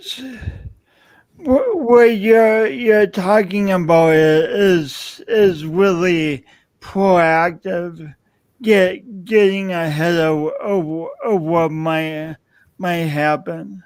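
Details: Adult man with a self-described speech impediment of unnamed type; stuttering-like disfluency; speech impediment.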